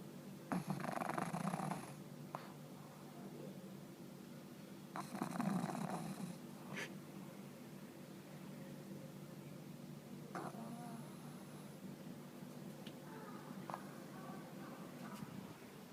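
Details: Short snorting, rattling snores with long quiet stretches between them, from a pug at rest; snoring.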